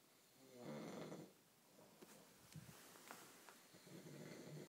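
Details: Person snoring in a quiet room: low, rough rattling on the in-breath that fades, then a second rumble building.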